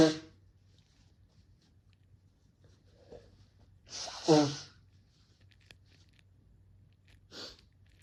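Several sneezes with an indrawn breath before each, in a quiet room; ordinary sneezing.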